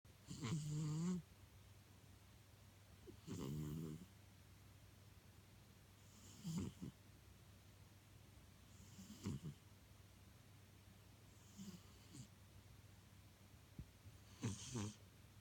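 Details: Cat snoring like a person: soft, regular snoring, about six breaths in fifteen seconds, each with a brief low rumbling buzz; plain snoring.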